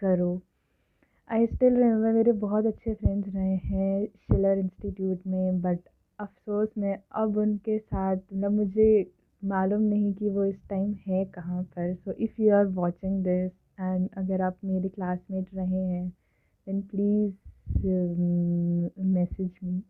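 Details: Adult woman who has stammered since early childhood, speaking Hindi/English; stuttering.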